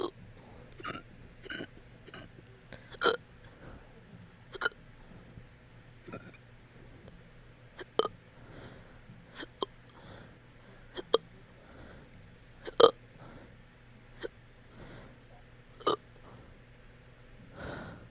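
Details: Hiccups with burping after eating that have lasted about 30 minutes: repeated short, sharp hiccup-like gulps, some with a small burp, about twenty over eighteen seconds at irregular spacing.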